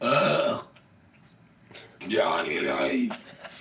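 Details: Random burps: a loud, brief voiced burp, a quiet pause, then a second drawn-out, throaty belch; ordinary burping.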